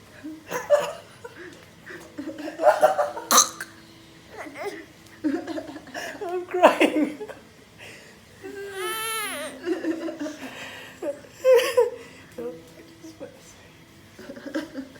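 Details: A young child (Enzo) makes a few deliberate, fake coughs amid giggles and playful vocal sounds; voluntary cough.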